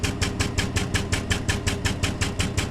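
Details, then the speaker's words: 3100B high-frequency oscillatory ventilator demonstrated for respiratory care students on adult setup, 5 Hz (300 breaths/min), inspiratory time 0.33, amplitude adjusted for thigh wiggle: steady rapid rhythmic thumping about five to six pulses a second. "once you start the oscillator, you start looking for the wiggle. For an adult, which this is, you're looking for the thigh."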